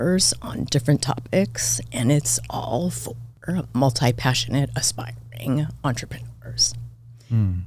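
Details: Adult woman diagnosed this year with spasmodic dysphonia; she attributes it partly to voice overuse and partly to stress, and says it seems to be occurring during this recording; finding: spasmodic dysphonia.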